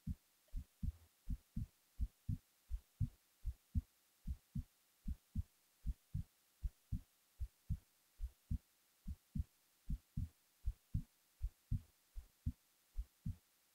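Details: Heartbeat recorded while the person was falling asleep: steady low thumps at about 78 beats a minute in a quiet room, normal resting rhythm.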